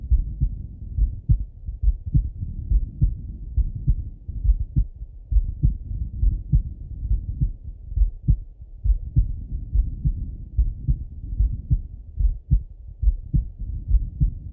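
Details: Male heart auscultated with a stethoscope, recorded partly sitting at a desk and partly lying in bed: steady low thumping heartbeat at about 69 beats a minute, regular rhythm; normal heart sounds.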